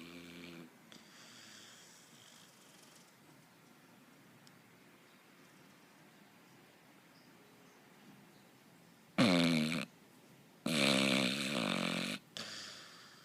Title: snoring